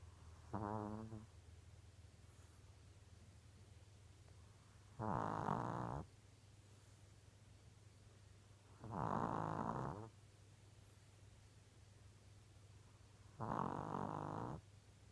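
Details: Four rough, rumbling snores about every four seconds over a steady low hum, roughly 15 breaths a minute; uploader questions whether this is snoring or pneumonia.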